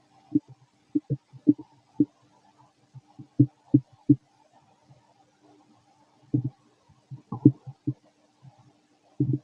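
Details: Fit male, stomach growling while digesting, very loud: bursts of short gurgles and bubbling pops, clustered with quiet gaps; ordinary digestive bowel sounds (borborygmi).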